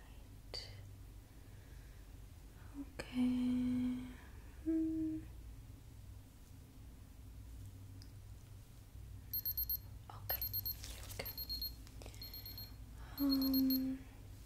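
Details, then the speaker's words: Role-played ASMR doctor check-up: quiet room, soft gloved handling noises and a few short electronic beeps from a digital thermometer measuring body temperature, reported as normal. "Okay, first I will start by measuring your body temperature."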